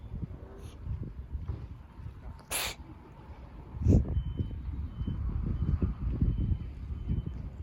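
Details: Cat with a cold sneezing: brief, sharp, small hissing sneeze bursts over a low background rumble.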